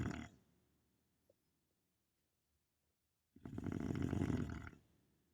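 One long, loud, rough rattling breath after a near-silent pause; a snore from a TV or film soundtrack.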